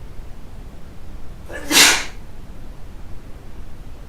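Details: One short, sharp, hissing sneeze burst against a quiet background; a single sneeze.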